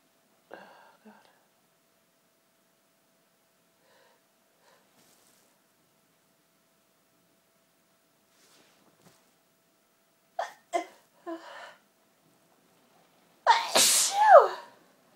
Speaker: Achoo! My sneezes are really violent. I think because the tease for so long, I'd eventually come out and it's such a relief to sneeze.